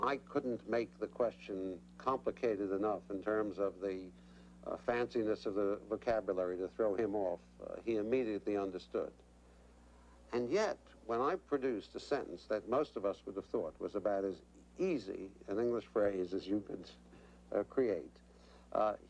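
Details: Adult male clinician; normal speech.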